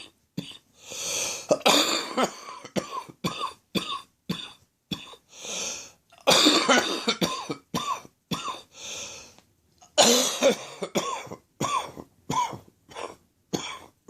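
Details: Adult, not a smoker, with a lingering chest infection he can't shake off: three bouts of harsh morning coughing with gasping in-breaths between, a chesty productive cough.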